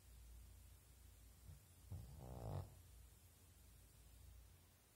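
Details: Single fluttering, rattling snore on an in-breath, under a second, against quiet room noise: ordinary snoring from a sleeping animal.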